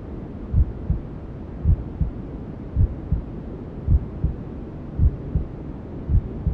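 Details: Muffled, regular low double thumps of about 54 bpm under steady white-noise hiss: a normal maternal heartbeat as heard from inside the womb, a simulated womb sound meant to help newborns sleep.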